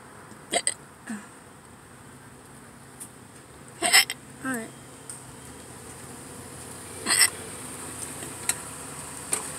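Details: Hiccups in a parked car at a Subway lot before eating, which the person links to hunger; several short, sharp hiccups at irregular intervals, about 15 to 20 a minute, over traffic or room hum.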